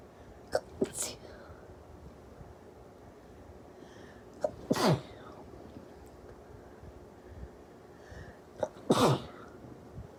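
Three sneezes, each preceded by a quick catch of breath, separated by quiet pauses; ordinary sneezing.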